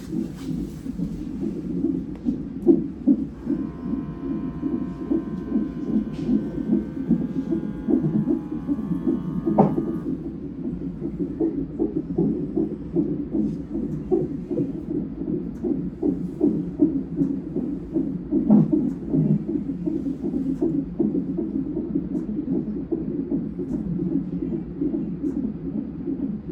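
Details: Fetal heartbeat on Doppler during a non-stress test at 37 weeks of twin pregnancy: fast, galloping whooshing pulses around 150 per minute, normal range; mother reports baby moving and jumping.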